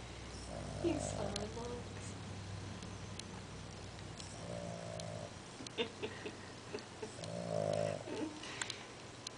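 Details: Sleeping fat dog: three soft, slightly whistling snores about every three seconds over a steady background hum; snoring.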